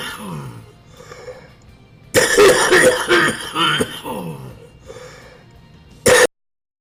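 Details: Adult male Twitch streamer, described as a smoker, has a coughing fit on stream: a run of loud, harsh coughs over about two seconds, then one more cough, with music behind.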